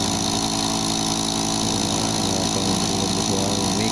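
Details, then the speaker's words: Apex nebulizer (model 100200) compressor after repair by greasing, powered on: steady motor hum with buzzing drone running continuously, air coming out, working normally again. "Subukan natin sa pag power on yun guman na siya mga guys Ayun umikot na Yung lower wow May hangin na siyang lumabas dito mga Oh my god"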